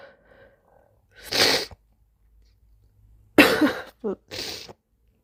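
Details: Sneezing: two loud, wet, slimy sneezes, each a sharp burst of air, then a short voiced catch and softer breathy exhale, with soft moans.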